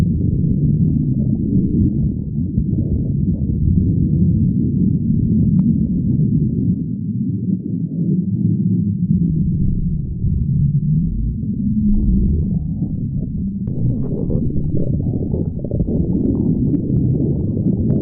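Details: Prolonged stomach growling (borborygmi): continuous deep, loud rumbling and groaning that shifts in pitch without pause.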